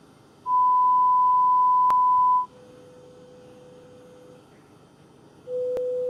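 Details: Steady pure tones at varying pitches and loudness levels separated by pauses, played by a Korean mobile hearing-test app during a demonstration of how it works; pure-tone audiometry test tones.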